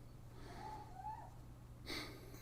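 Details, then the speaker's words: Sleeping pet dog snoring: soft whistling breath ending in a brief snorting snore, over a low electrical hum. "a dog just snoring in stereo"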